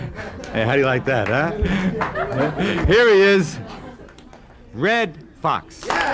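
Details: Adult man, announcer; plain speech.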